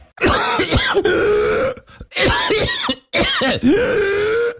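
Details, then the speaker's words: Radio advertisement about pertussis in adults, described as a chronic paroxysmal cough that can last many weeks: three harsh, forceful coughing bouts with strained, drawn-out voiced breaths between them; pertussis cough. "krztusiec u dorosłych krztusiec objawia się przewlekłym napadowym kaszlem który może trwać wiele tygodni"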